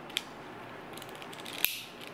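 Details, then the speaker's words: Two sharp mechanical clicks with faint ratcheting from a disassembled Advair Diskus dry-powder inhaler as the lever turns and the sprocket pulls the next medication pouch along the track, peeling back its cover. "sprocket grabs the next little pouch and pulls it along the track the cover is peeled back right here"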